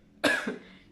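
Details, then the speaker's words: Single short cough from an adult woman with a hoarse voice, who attributes it to seasonal allergies and going-around germs; sharp at onset, fading quickly. "m'excuse j'ai un petit peu la voix cassée un petit peu les petites allergies du moment"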